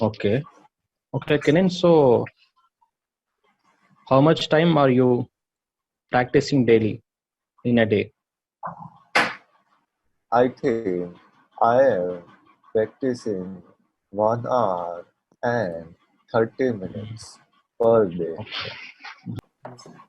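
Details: Adult male chartered accountant attending online stammering therapy, speaking English; stuttering.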